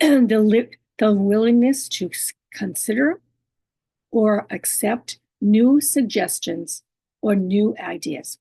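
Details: Adult woman living with aphasia, apraxia of speech, dysarthria and other communication disorders; she says her speech can be hard to understand and distorted: aphasia with apraxia of speech and dysarthria.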